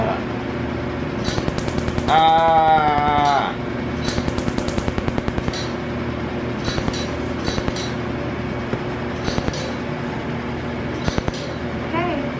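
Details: Laser tattoo removal pulses during face tattoo removal: sharp snapping clicks in quick bursts over a steady machine hum, with a brief tonal sound partway through.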